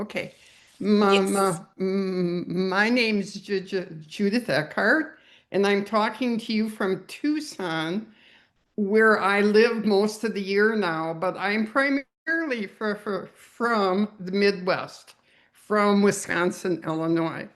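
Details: Older adult who describes herself as a geriatric stutterer; stuttering.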